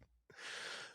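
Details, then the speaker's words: Adult man with self-described awake apnea, which he attributes to obesity: a sudden, harsh, hissing, rushed gasp of breath after a brief pause, loud into the microphone. "I will have in the microphone what is referred to as a wake apnea. Awake apnea. You'll hear it in my breathing. Um, it is just a common side effect of uh obesity is what [laughter] I'm learning."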